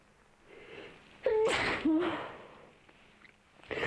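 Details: Sneezing during a nose-cleaning (nose-wiping) session, with repeated sneezes; ASMR recording.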